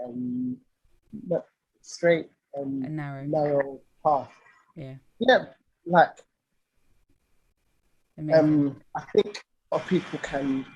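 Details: Lifelong stuttering (stammering) in an adult male singer; real conversational speech with audible repetitions.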